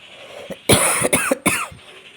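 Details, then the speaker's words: Adult coughing while lying down recording a voice-over on a day with fever, with sneezing and cold symptoms. Finding: cough. "Voice over കൊടുക്കുമ്പോഴും എനിക്ക് ചുമ ഞാൻ കിടന്നകൊണ്ടാണ് ഈ voice over ഒക്കെ കൊടുക്കുന്നത്"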